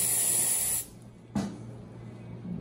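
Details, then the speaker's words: Vapocoolant cold spray on the toe of a man with a toenail ingrown on both sides and early ram's horn nail, before a numbing injection: a short hissing aerosol spray stopping abruptly, then a faint thump. "i'll put extra cold spray for you all right here we go guys"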